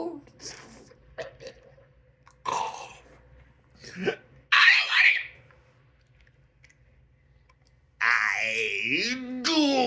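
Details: Adult holding back a cough: muffled, stifled throat bursts and strained breaths ending in a loud vocal outburst; speaker vapes and uses cannabis.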